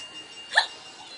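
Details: Person trying home remedies to get rid of hiccups, such as holding breath and counting to ten: a single short, sharp hiccup in a quiet room.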